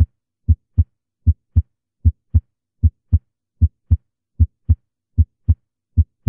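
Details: Teaching auscultation recording of a one-minute sequence of clean paired lub-dub heart sounds at about 77 beats a minute: normal first and second heart sounds.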